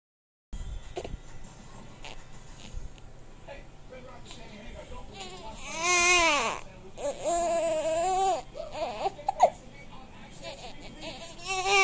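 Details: Baby with hiccups who dislikes them: fussing builds into loud, rising and falling crying with short breaths between wails, faint background noise; infant cry.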